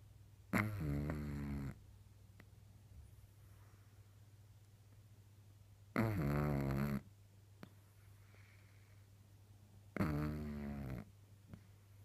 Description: Pug puppy 6 months snoring , fast asleep ! Cute